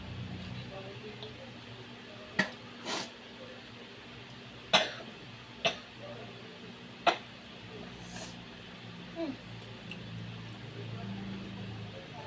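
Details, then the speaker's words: Several brief, dry single coughs and throat-clearing sounds spaced a few seconds apart against room noise: coughing from an older sister. "Guys, yung tunog na ubo ni ate, wag yun na lang pansinin."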